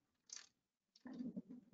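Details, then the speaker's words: EMG speaker audio during repetitive nerve stimulation testing: a hiss, then a rough fluttering buzz that swells as the patient exercises by spreading the fingers wide, demonstrated for a possible myasthenia gravis workup. This is the voluntary-activation interference pattern. "can you can't you probably can't hear that but you can hear how well the patient's exercising"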